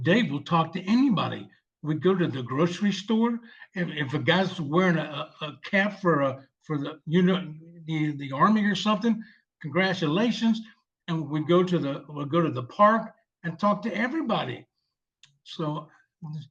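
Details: 74-year-old male veteran with aphasia from a stroke 7 years earlier, receiving long-term speech therapy; aphasia.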